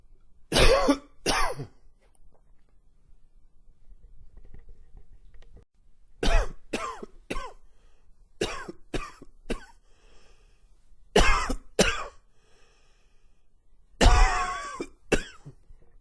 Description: It's long and wheezy with a few gags in there.